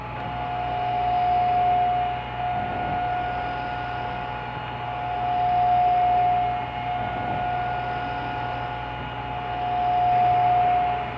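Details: Homemade DIY "Poor Man's Ventilator V-1" breathing machine: steady mechanical hum with rhythmic swells about 14 times a minute as it cycles breaths.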